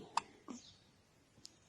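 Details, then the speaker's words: Baby girl who gets hiccups every day, now feeding a lot; a few brief, sharp catching sounds in a quiet room, spaced under a second apart; infant hiccups. "yes you're getting chubby baby yep and you got hiccups hiccups hiccups hiccups all the time every day poor baby"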